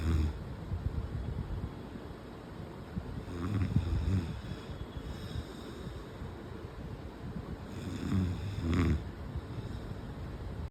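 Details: Father snoring, keeping his 1-month-old baby awake: low rattling snores with a few of the breaths over ten seconds, over steady room noise; snoring.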